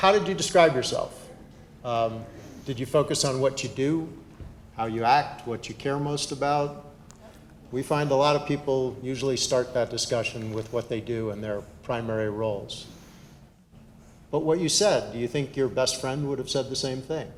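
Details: Adult man; normal speech.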